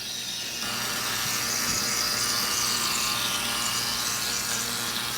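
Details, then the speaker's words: Microneedling pen (Eclipse Evo) operating over facial skin to drive in PRP after CO2 laser for acne scars, under numbing and nerve block: steady high buzzing motor in a small room. "ut the eclipse Evo yeah another micro pen right there so now we're gonna add the PRP on and this shouldn't really hurt much it'll feel a little bit but the goal with this is not to puncture too much"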